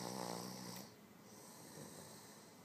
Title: Ruger Red sleep and snoring!!!!